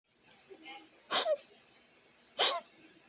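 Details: Cartoon character Gumball's voice saying "hug-(hiccup)gy wuggy": a brief voiced sound, then two sharp, abrupt catch-like bursts about a second apart. Hiccups.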